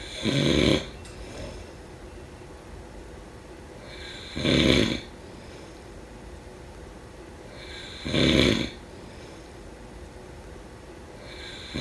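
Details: A sleeping person snoring: loud, rough snores about every four seconds, roughly 16 a minute, with quiet breathing between them.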